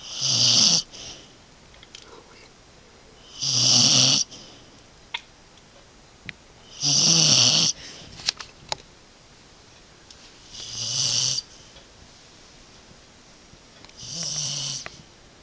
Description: Scout the dog cozies up and snores it out during a winter storm.